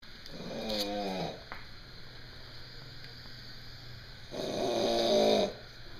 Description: Load Snoring in Army Barracks